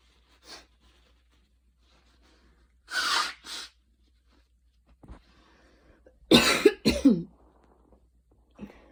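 A few dry coughs in two short clusters, with quiet pauses between. A light cough after a fast run.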